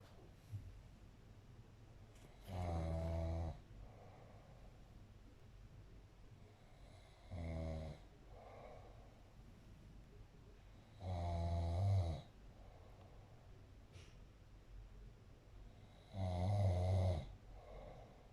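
Low, rumbling snores with each breath in, about 12 a minute, with softer breaths out between; snoring.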